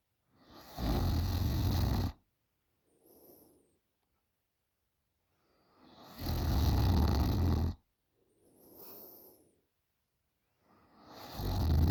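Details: 20-year-old girl snoring very loudly during sleep: harsh, rattling snores on each in-breath with quieter out-breaths between, about 12 breaths a minute.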